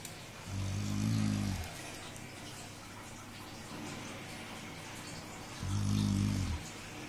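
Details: Dog fast asleep and snoring loudly: loud, low rumbling snores on each breath, about two every seven seconds, with a noisy room in the background; snoring.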